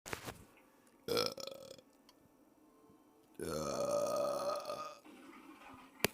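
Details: A short belch followed by a long, loud, drawn-out burp lasting about a second and a half; burping.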